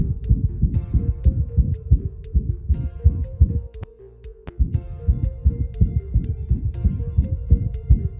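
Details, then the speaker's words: Fast, low heart thumps with a continuous whooshing hum between beats, heard via stethoscope as a teaching example of a heart murmur; heart murmur. "Incluso aunque no lo pegues, puede ser que te acerques un poco y vas a escuchar el soplo."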